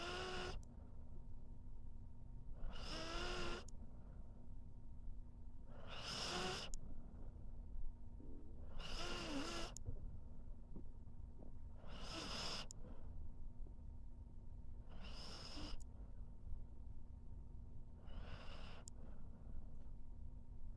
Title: How To Make Someone Pissed Off? Just Snore While Sleeping #dog #pet #sleeping #snore #snoring